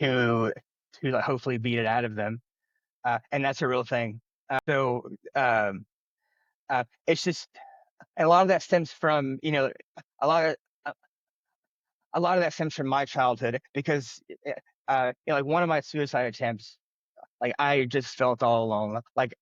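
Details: Adult man who has stuttered since childhood, speaking in an interview; stuttering.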